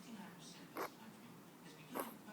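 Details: Five-week-old Yorkie puppy, lethargic and vet-diagnosed with kennel cough (distemper and parvo tests negative), on antibiotics and nebulizer treatment, gives two brief, soft, dry coughs in a quiet room.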